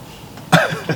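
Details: A single loud adult cough burst with a brief trailing sound over low room noise, heard during a casual conversation on a very cold day in Lembang: cough.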